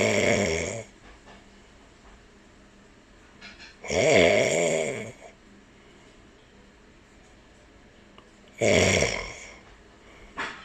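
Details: Loud, rasping snores on the in-breath from a sleeping man, about 14 a minute, separated by quiet pauses; ordinary snoring, with a cockatiel listening.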